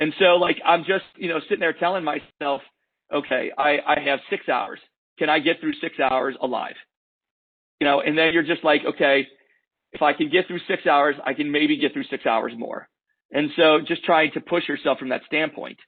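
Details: 46-year-old man over two months after severe COVID-19 that required high oxygen and proning in critical care, with persistent severe cough, fatigue and an audible phonation deficit; dysphonia.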